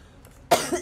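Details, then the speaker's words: Cough from a woman describing whole-body coughing so hard she feels it could bring up blood and that it hurts: one harsh cough burst trailing into a brief second effort. "이렇게 기침하다가 이거 여기 이렇게 내가 여기 보면은 막 피 피 있을 거 같아 그 약간 온몸을 다해서 기침을 하는 느낌이야"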